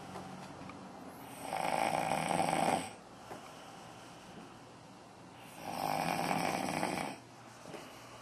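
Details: Two long, harsh, rasping snores about four seconds apart, with quiet exhalations between; snoring.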